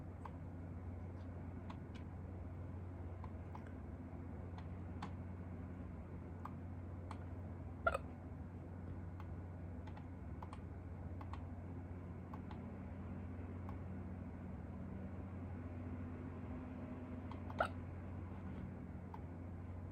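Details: Hiccups, the first in a long time, recorded in a hurry: two short, sharp hiccups about ten seconds apart over steady low room hum, faint clicking between.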